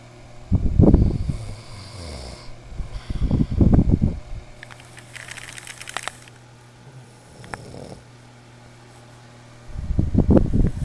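Loud, rattling snores in bursts of about a second, with softer noisy breathing and a low hum between: heavy snoring.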